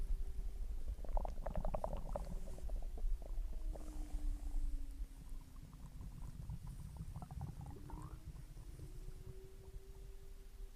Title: Stomach growling after dinner #viralshortvideo